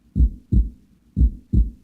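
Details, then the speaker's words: Educational narration demo of normal heart sounds: two clear lub-dub heartbeats, deep paired thumps at about 60 a minute in a normal rhythm. "Each heartbeat consists of two stages which form the double pulsing sounds that you can hear now."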